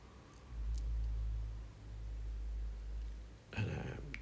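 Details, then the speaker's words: Ear wax microsuction in a very narrow ear canal with the WAXscope: low steady rushing suction hum with a brief crackly burst as sticky, chewing-gum-like wax is cleared from the canal entrance. "just again just trying to prevent the suction pH from getting blocked because of the consistency of the right it's almost got a chewing gum consistency here"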